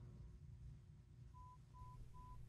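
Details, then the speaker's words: Apple AirPods Pro 2 in-ear hearing test, audiologist taking it himself, left ear; tones at varying volumes and frequencies like an audiogram, tapped when heard; three brief soft steady pure tones over low room hum; pure-tone hearing test tones. "then it's going to play tones at different volumes and frequencies just like an audiogram"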